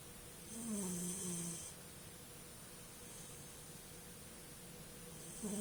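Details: A soft, low snore on one breath from a puppy, then quiet breathing and the start of another, against a steady hiss; snoring.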